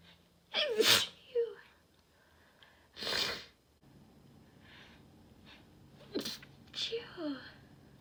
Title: Strong sneezes